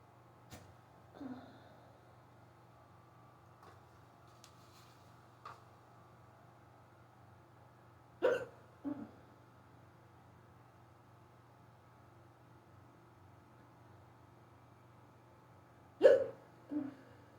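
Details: Unusually severe, fast hiccups lasting almost 20 minutes after waking in someone who rarely gets them: abrupt short gulping hiccups, some in quick pairs, about eight a minute, in a quiet room.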